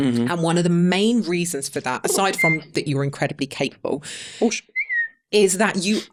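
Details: Tourette syndrome whistle vocal tic in an adult man, about 32, whose Tourette's was acquired in his mid-20s after a brain injury; he also has involuntary swearing and other vocal tics, and a stammer that occasionally returns.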